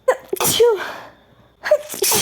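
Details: Female sneezing in a run of 21 rapid sneezes: two forceful sneezes in quick succession, each a sharp intake followed by a loud explosive burst.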